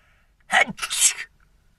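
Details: Single sharp sneeze: a quick indrawn breath followed by an explosive burst of air.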